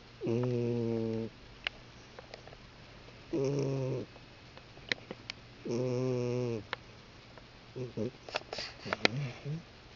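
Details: Three loud, buzzing, tonal snores about every three seconds, then softer snuffling and clicks, from a pet cat sleeping: a cat snoring loudly.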